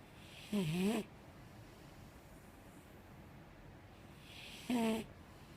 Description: Our five year old Mastiff rarely snores this softly. So I just had to video her sleeping and snoring.